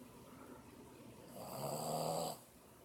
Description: This is my 7 month old Boston Terrier snoring like a 90 year old man.